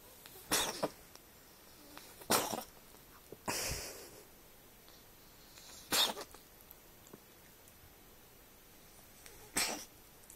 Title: Sneezing Cat - Kýchající kočka